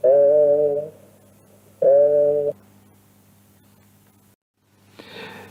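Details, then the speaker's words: Patient with pleural effusion says "i" while the microphone alternates between sides of the chest; the voice sounds muffled and bleating, like "e", at the upper border of the effusion: egophony. "Vamos a ver en este ejemplo cómo se le pide al paciente que diga I y se va alternando la colocación del micrófono de un lado y del otro y se escucha como i o como e dependiendo si está a nivel del derrame o no."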